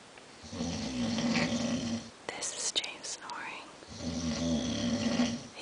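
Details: Adult man snoring in his sleep; his wife reports the snoring is loud, long-lasting and frequent. Two loud, rough, rattling inspiratory snores with a brief noisy pause between them.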